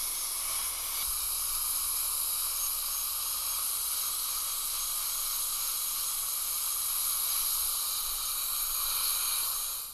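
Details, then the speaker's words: High-speed dental handpiece contouring a patient's lower canine and premolars for a second plane of reduction in veneer preparations, about half a millimetre; steady high-pitched whine and hiss running continuously. "I'm going to contour the canine over the insides of us just a little bit to have that second plane of reduction"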